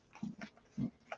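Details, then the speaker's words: Three or four short, low gurgling rumbles in a quiet room from an adult's growling stomach, an ordinary normal bowel sound (borborygmi). "stomach is growling again. I apologize if you can hear it."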